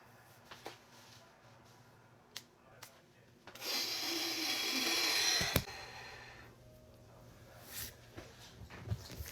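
A long, forceful rush of breath through the nose ending in a sharp catch, a deliberate snort done to stop hiccups, in a quiet room.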